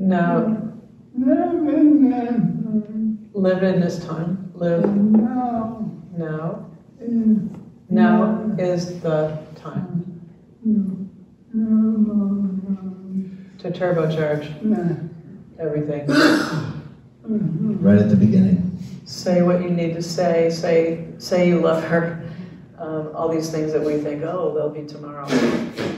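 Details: Dysarthria in ALS (diagnosed late 2021) in a man, retired pediatrics professor; his jaw trembling is neurologic clonus, not crying, per his wife, who translates for him.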